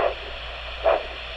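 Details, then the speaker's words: Diabetic foot exam on a man with a warm foot: handheld Doppler over a foot pulse gives rhythmic two-part whooshes, a biphasic arterial signal within normal limits. Biphasic Doppler pedal pulse. "It's a whoosh, whoosh, whoosh, whoosh. Anyway, those are sounds that tell us that we have biphasic."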